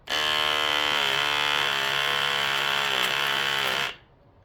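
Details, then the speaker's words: Loud steady motor buzz for about four seconds: a battery-operated electric baby nasal aspirator demonstrated suctioning, showing pretty good suction. "okay? And as you see, had pretty good suction, okay?"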